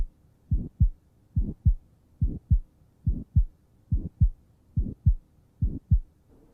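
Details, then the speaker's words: Regular heartbeat near 72 a minute with a harsh systolic murmur between paired sounds; aortic stenosis, best heard at the right second interspace beside the sternum, radiating to the carotids or apex. "this murmur can normally be heard in the second interspace on the right just lateral to the sternum and it can radiate to the neck of the carotid or over to the apex now this murmur is also often described as having a harsh quality to it"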